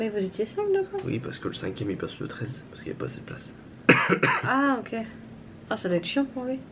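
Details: Adult speakers in conversation; normal voice.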